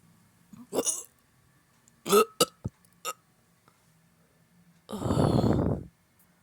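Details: Adult with a bloated, gassy stomach belching: several short burps followed by a long, rumbling belch.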